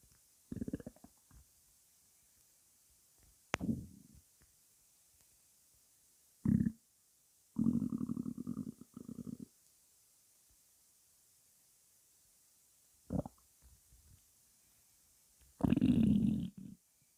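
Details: Woman's stomach growling (borborygmi) before breakfast, hungry: several low gurgling rumbles in short bursts separated by quiet gaps.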